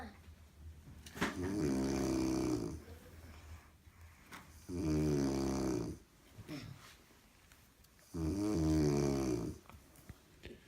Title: My beautiful wife snoring